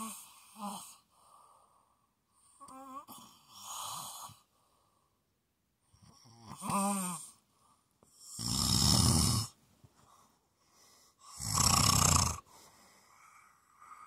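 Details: Loud harsh rattling breaths alternating with quieter voiced groans in a close, quiet recording; snoring.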